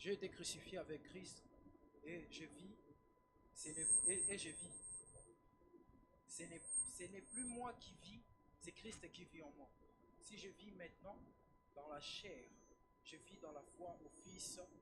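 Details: Adult reading aloud; normal voice.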